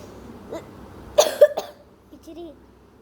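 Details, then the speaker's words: Two or three short, sharp coughs between bits of speech in a quiet room, from a speaker who apologises for coughing and says they have a runny nose. "So ഇനി ഒരിക്കൽ ചുമക്കില്ല, അത് God promise. എനിക്ക് മൂക്കളാണ്."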